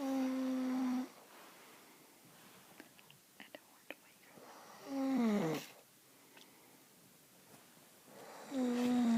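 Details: Snoring from a sleeping adult man, a husband: loud, buzzing, tonal snores on each breath, roughly every four seconds, with quiet pauses and small clicks between.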